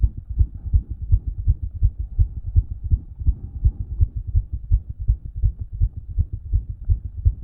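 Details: Own heart by stethoscope after exercise: strong, regular low heart thumps with a soft rumbling murmur between beats and a possible extra fourth heart sound (suspected S4), not made louder by exercise.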